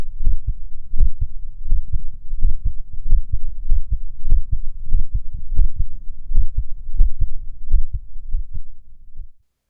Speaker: dog has a split s1 sound due to slightly asynchronous closure of the atrioventricular valves I consider this to be a normal finding in the dog